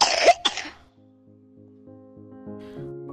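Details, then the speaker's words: Child aged between 2 months and 5 years with two harsh, low-pitched coughs, a barking cough, followed by soft background music; treatable at home if there are no signs of respiratory distress. "A barking cough which is a low pitch sound, or if it sounds like there's mucous in the throat, can be treated at home if there are no signs of respiratory distress."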